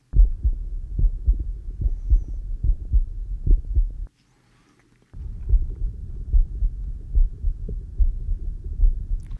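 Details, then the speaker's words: Normal heart sounds: regular low heart thumps at about 72 a minute, heard with an Eko electronic stethoscope on an adult patient breathing normally during an OSCE physical exam for suspected GI complaints. "all right I'm going to listen to your heart so just breathe normally"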